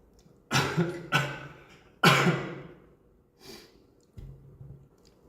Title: Cix BX cough